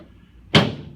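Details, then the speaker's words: Single sharp thud with a brief rumbling tail during a drop-table lower lumbar (L5) chiropractic adjustment of an adult man, after SI joint and sacrum adjustments guided by a Thompson technique reading. "There's L4. There's [Music] L3. There's a lot more pressure than what it looks like on YouTube, isn't it?"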